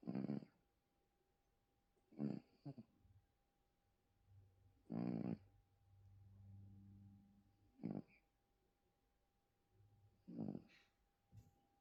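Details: Short, soft snorting snores every two to three seconds from a sleeping little male, with a quiet room hum; snoring.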